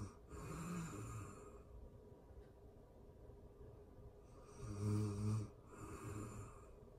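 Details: Real-time recording of a person asleep: two low, rattling snores a few seconds apart, each on a slow breath, in a quiet room; ordinary snoring.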